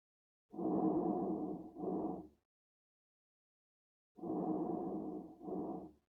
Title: Asthma Breath Sounds